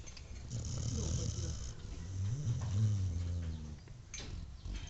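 Low, rumbling, uneven breathing noises from a sleeping dog, with a throaty vibration on each breath: snoring.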